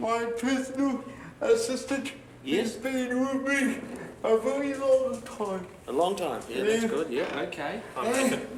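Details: 32-year-old man with cerebral palsy present since birth, dependent on 24-hour care; slurred speech that worsens when he is tired; dysarthria.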